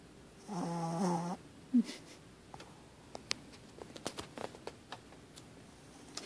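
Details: Dog sleeping with eyes open snoring loudly: one loud, rattling snore, then a short snort, followed by faint clicks and rustling in a quiet room.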